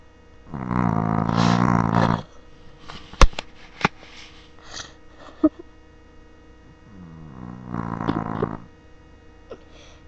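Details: A sleeping dog gives two long, low, rumbling growl-like snores about six seconds apart, with faint clicks between them; dog snoring.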